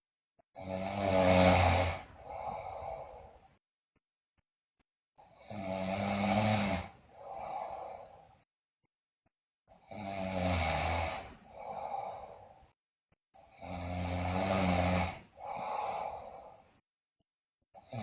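Loud, harsh snores on each breath in, each followed by a softer breath out, about 13 breaths a minute; loud snoring.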